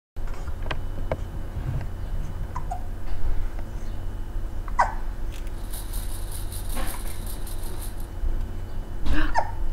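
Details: Baby looking at a play mirror gives several short, sharp hiccups over steady low room rumble; a common harmless event in babies.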